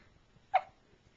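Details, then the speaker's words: A single brief, soft hiccup from a 3-day-old baby in a quiet room, recorded on a Flip Video camcorder. "Don't get too close. Baby's first hiccup."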